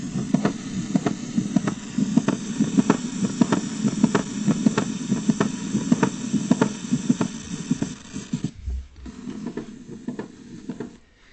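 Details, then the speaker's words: Mitral valve prolapse, shown as a teaching example: regular heart sounds near 95 a minute with a sharp mid-systolic click and a late systolic murmur in each beat. "It's known basically as a click with a systolic murmur. It's called a late systolic murmur."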